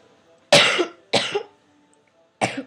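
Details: Coughing fit while recording at a computer: three harsh, loud coughs in quick succession, separated by short pauses, in a quiet room.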